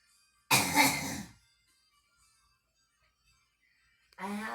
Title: girl smoking and coughing